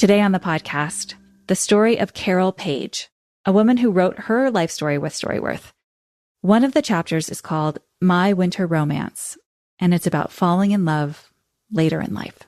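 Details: Adult female speaker; normal speech.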